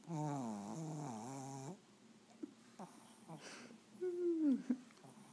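One long, whistling, vibrating breath followed by softer snuffling and a brief squeaky sound, consistent with snoring in a small dog.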